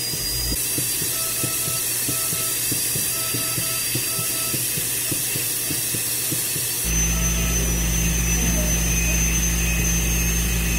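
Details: Rapid mechanical ticking over a buzzing motor, then a steady hum, from a dental instrument running during dental treatment of a dog at an animal hospital; dental instrument noise.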